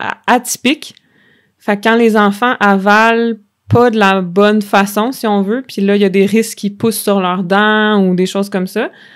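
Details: Stuttering in an adult woman who stutters.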